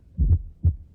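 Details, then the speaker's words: Normal heartbeat played in a radio talk on the heart: a single steady, clear low double thump. "vamos a escucharlo posiblemente lo puedas escuchar bernardo estamos escuchando un latido normal"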